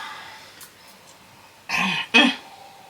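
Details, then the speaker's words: Two short, forced coughs in a quiet room, faked on purpose as a prank while drinking a vodka drink: deliberate cough. "but anyways guys this was a prank because I decided I wanted to cough during this video to just get L mommy's reaction and her reaction was hilarious"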